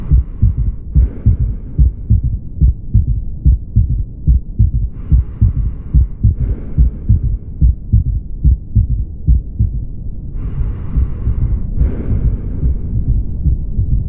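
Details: Third heart sound (S3): a regular heartbeat near 71 per minute with a soft, low extra thud after the second heart sound.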